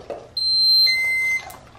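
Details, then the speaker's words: Enteral feeding pump powering on as a 5-year-old child presses the on/off button while setting up a cystic fibrosis patient's feeding tube: a brief quiet rustle, then a loud high-pitched beep lasting about a second. "so you start by pushing the on off it's nice and loud"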